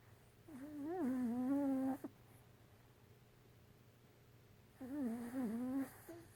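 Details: A Yorkie that fell asleep on a bed, snoring: two drawn-out, whistling, whiny breath sounds about four seconds apart in a quiet room.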